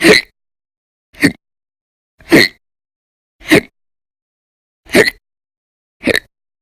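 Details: Persistent violent, very loud hiccups lasting over 10 hours a day for weeks in December 2019: six short, sharp, loud hiccups about one second apart, roughly 52 a minute, with silence between.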